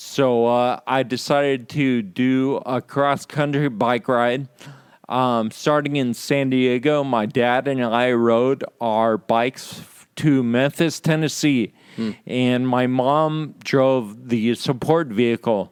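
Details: Adult man with Friedreich's ataxia diagnosed at age 17; the condition impairs speech-muscle coordination, causing slurred speech that can sound drunk; ataxic dysarthria.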